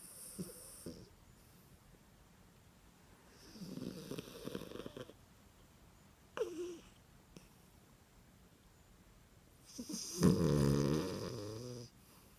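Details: 3½-year-old female rescued street dog, a Dorkie (dachshund–Yorkie mix), asleep with one eye open: quiet noisy breathing with a few soft snoring rumbles and one louder rattling snore near the end.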